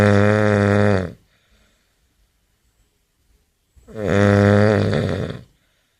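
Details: Sleeping man snoring very loudly: two deep, droning snores about four seconds apart with strong vibrating tone on each breath.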